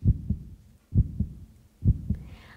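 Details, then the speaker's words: Three regular lub-dub beats, about 65 a minute, steady even rhythm; a normal heartbeat played in a music lesson to show constant pulse. "să îl ascultăm Ați observat că pulsația este constantă"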